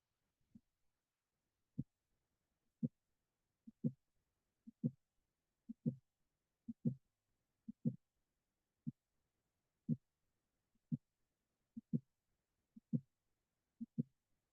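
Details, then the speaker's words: Mitral valve prolapse with an isolated midsystolic click and no murmur: regular heart sounds near 60 a minute with an extra click in systole. "Now let's take a listen to a murmur on Mitro Pearl. That's with only a midsystolic click."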